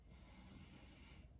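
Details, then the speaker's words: Nursing assessment of an adult's anterior chest: lung auscultation with a stethoscope, ladder method left to right, during deep breaths in and out; even air exchange, no crackles or wheezes: normal breath sounds. "I'm going to be listening for anything that sounds have normal um it should just be an even error exchange no crackles or we should be noted"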